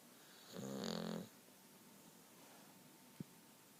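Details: Bulldog snoring while asleep: one loud, buzzing snore under a second, then quiet with a faint click; dog snoring.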